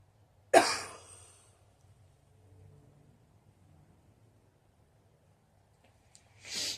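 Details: Inexperienced smoker coughing after inhaling legal cannabis smoke: a sharp, harsh cough burst, a quiet pause, then a second cough beginning; irritant cough.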